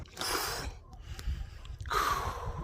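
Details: Two harsh, breathy bursts with heavy gasping and coughing in a cyclist after a hard anaerobic VO2max interval session: post-exercise cough.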